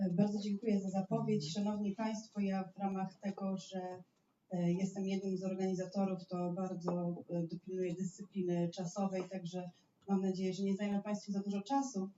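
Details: Adult woman lecturing; Typical speech.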